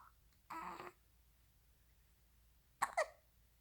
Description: Poor baby has the hiccups